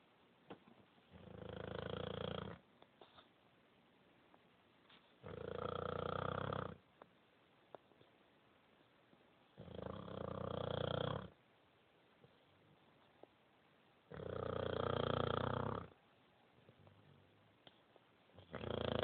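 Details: Sleeping female dog, likened by the owner to a pig: slow, regular rattling snores on each breath, about 13 breaths a minute; ordinary snoring.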